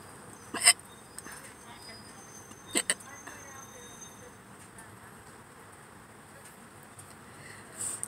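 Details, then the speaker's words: Adult hiccupping in a parked car while hungry, before eating: short sharp catches of breath, about four in eight seconds, with faint background hum; hiccups. "you can tell my body probably knows it's my why I get hiccups I'm hungry"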